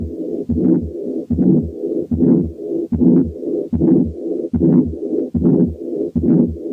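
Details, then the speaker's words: Mixed aortic valve disease (combined aortic stenosis and regurgitation): regular heartbeat about 74/min with a harsh ejection systolic murmur and a soft early diastolic murmur. "دلوقتي نسمع combined aortic stenosis and incompetence فيها both ejection systolic early diastolic murmurs."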